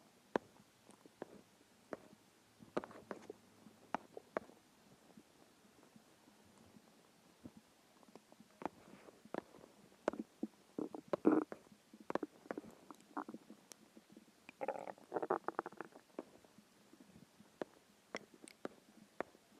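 Scattered clicks, gurgles and short rumbling bursts from a hungry stomach in a quiet room: ordinary stomach growling.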